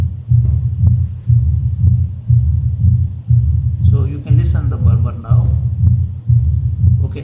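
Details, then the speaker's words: Bell of stethoscope at the mitral area, patient tilted to the left, breath held out: regular low heartbeat about 60 a minute with low-pitched rumbling mid-diastolic murmur louder at the end, in a patient with pure uncomplicated mitral stenosis. "This murmur is best heard with the bell because it is a low pitch mber."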